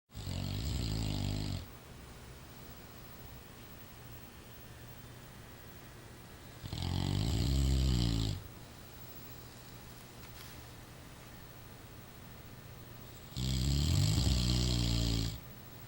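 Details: A rottweiler snoring loudly: rumbling snores every six to seven seconds (about nine breaths a minute), with low room hum between, loud enough to wake someone from a dead sleep.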